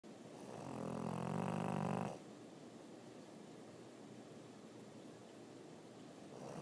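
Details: French Bulldog (Frenchie) snoring: one long, vibrating, rattling snore on a breath in, then quiet breathing over steady room hiss as the next snore begins.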